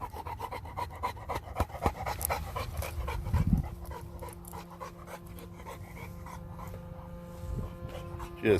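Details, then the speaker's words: 11-month-old Renascence Bulldogge male panting heavily during an off-leash solo hike, with no rasp in the back of the throat, attributed to being bred without an elongated soft palate; clean breathing, normal panting without stertor. "see again he's breathing heavy you don't hear that nasty rasp in the back of the throat and that's because I've over the generations read these guys do not have that elongated soft palate that's what a clean breathing Bulldog sounds like"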